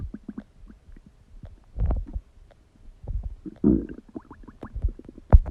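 Irregular low gurgles and rumbles, some bubbling, from the stomach during digestion: ordinary active bowel sounds.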